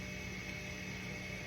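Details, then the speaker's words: Steady mechanical hum with a faint whir as the dialysis machine's blood pump primes the lines with saline at a blood flow rate of 150 while the machine is being strung. "So now we can go ahead and prime the rest of these lines. We're going to go ahead and prime at a blood flow rate of 150."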